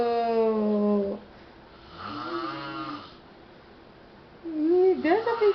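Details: A low, rough, drawn-out adult snore from a sleeping father in the background, alternating with his young daughter's singing; loud snoring.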